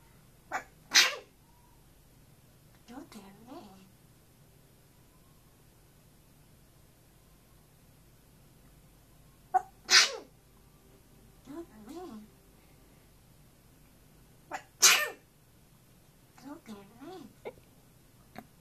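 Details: A camera-shy African grey parrot sneezing repeatedly after trying to sing: three sharp, hissy sneezes about five seconds apart, each followed by soft chirps and murmurs.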